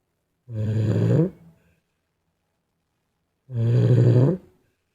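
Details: Infant snoring: two loud, low, rattling snores about three seconds apart, each under a second, with quiet between them.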